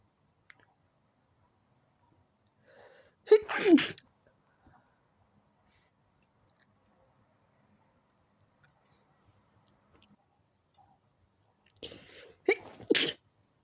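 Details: Sneezing fit in bed after turning onto the other side while trying to sleep: two sneezes, each with a short in-breath before it, roughly nine seconds apart in a quiet room.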